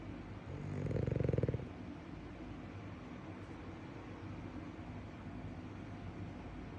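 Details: Snoring in a sleeping French bulldog/Boston terrier, quieter than his usual loud snoring, recorded outdoors: one rattling, vibrating snore, then steady outdoor background noise.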